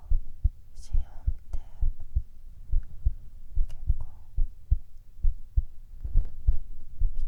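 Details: Steady low thumping normal heartbeat, about 70 beats a minute, with faint whispering in the background; male ASMR heart sound recording.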